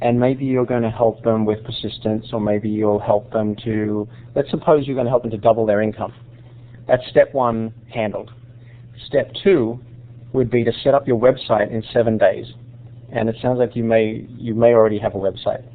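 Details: Adult male speaker; typical speech.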